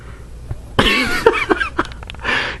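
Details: Sleeping French bulldog puppy that will not wake up: loud wet snorting and several short throaty snuffles, typical noisy upper-airway breathing of a flat-faced dog; snorting.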